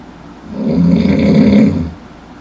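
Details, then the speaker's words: Deep, ordinary snoring from a sleeping person who is still fast asleep: a single long, low, rattling inhaled snore that rises and fades over about a second and a half in a quiet room. "まだいびきをかいて熟睡している"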